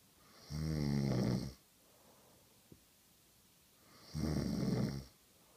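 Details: Person told they snore: two loud, low, rattling snores on inhalation about every three and a half seconds in a quiet room.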